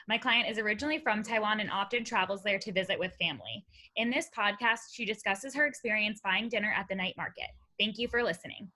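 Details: Adult woman speaking; no disorder.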